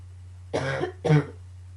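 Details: Two short, low, throaty coughs in a quiet room with a steady hum, part of a coughing fit combined with allergies; cough.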